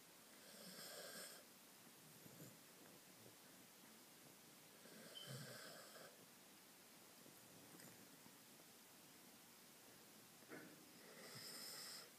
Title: Tsar Le, my cocker spaniel sleeping . He's snoring.